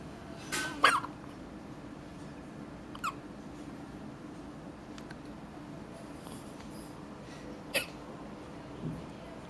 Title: Twin Girls, hiccup competition